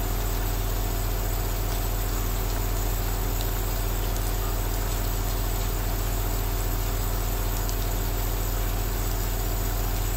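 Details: Aerosol nebulizer running for a 2-hour relaxation recording with rain outside: a steady low droning hum with an even hiss, and rain noise blending in.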